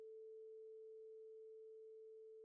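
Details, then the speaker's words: Weber and Rinne hearing examination demonstration: a vibrating tuning fork on the mastoid bone for bone conduction, then held beside the ear for air conduction. A pure, steady mid-pitched hum is heard. "place a vibrating tuning fork against the mastoid bone sound waves now travel to the inner ear via bone conduction"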